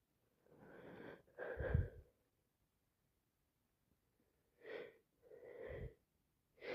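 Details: Person with a cold plus sinusitis and a full, blocked nose who can't stop sneezing: several breathy, wet sneezes with snorting inhalations; repeated sneezing with congestion.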